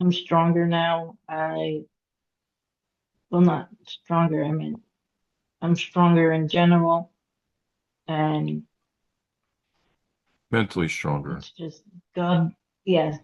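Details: Aphasia in a woman after a hemorrhagic stroke at age 36 in September 2018; she could not talk for 2 years and now speaks after recovery.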